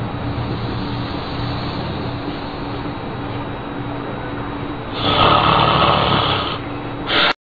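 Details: An adult snores while asleep with low, rumbling, fluttering breathing that swells into a louder harsh burst near the end, and a baby is startled by the sound.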